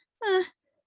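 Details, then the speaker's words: Imitated expiratory grunting at the end of each breath, cry-like as in babies, demonstrated as a red flag of breathing difficulty in serious illness in children with Down syndrome. "now a grunting noise that comes at the end of each breath sounds a little bit like this and you might hear that in an older child or even in an adult for babies it tends to sound more of a cry so it's more of a"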